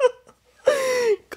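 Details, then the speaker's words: Short whimper, then a single drawn-out thin infant cry from a newborn girl, about a week old, on her first night home after a week in hospital; a normal hunger cry. "That's her saying that it's food time."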